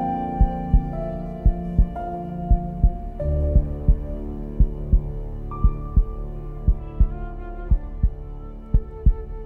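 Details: Heartbeat sound effect within an epic music mix: steady low thumps about 58 a minute over slow, sad music; heartbeat.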